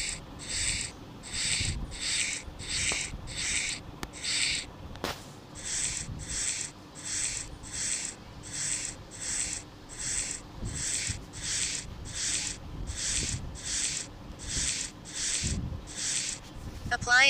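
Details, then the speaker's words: Steady rhythmic soft scratchy rubbing strokes, about two per second: simulated sound in a cartoon orthopaedic doctor game, cotton soaked in spirit being rubbed on a girl's leg. "Apply spirit on cotton. Rub the cotton on leg."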